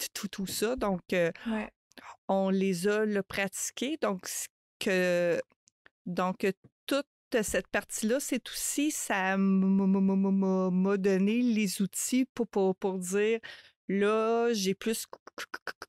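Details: Adult woman who stutters, French-speaking; stuttering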